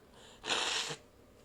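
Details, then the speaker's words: One sharp, hissing sneeze of about half a second over quiet room noise, from a person who says they are very sick, recorded while live-streaming. "Now, I'm going to sneeze. I'm very sick, guys. I'm sorry."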